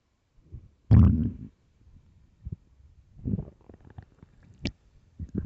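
Deep, low gurgling rumbles with a loud growl followed by softer bubbling; stomach growling from an empty stomach, normal.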